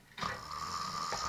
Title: LOS RONQUIDOS